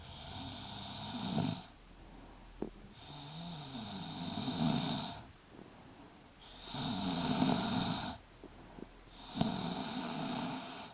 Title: My snoring during pregnancy♥